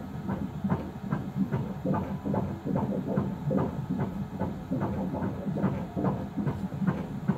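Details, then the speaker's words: Rapid regular whooshing galloping beats from a fetal monitor at 17 weeks of pregnancy, the last check of the scan. Fetal heart rate is in the 140s. "All right, so I always like to end with heart rate, heartbeat."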